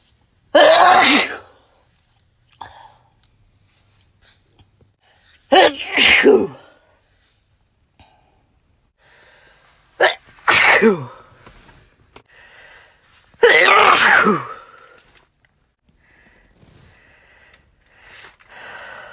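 Four loud separate sneezes, each with a sharp explosive burst, spaced apart with quiet gaps and faint breathing.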